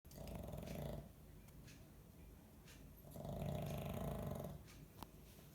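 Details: A pet dog snoring in sleep, said to snore like a human: two long, low, rattling snores on inhalation, separated by a quieter breath out.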